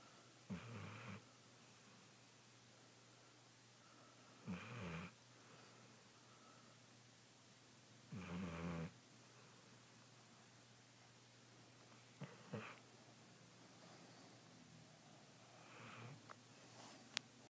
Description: Pez snores!!!